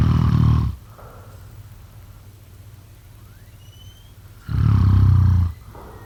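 Two loud, low, rattling snores on the in-breath, separated by a quiet pause of about four seconds.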